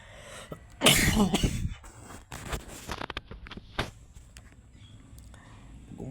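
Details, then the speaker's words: Adult with a one-week cough after a fever, sleepless at night, changed voice, itchy throat and blood when spitting: one forceful harsh cough burst, then fainter follow-up sounds. "Pag dumura ako dumugo kasi parang nafeel ko dito merong sugat nasa tigas ng ubo."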